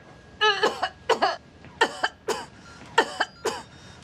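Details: An actress playing a sick mother gives a simulated cough in a drama scene; the scene says she will be put on a ventilator to help her breathe: acted cough.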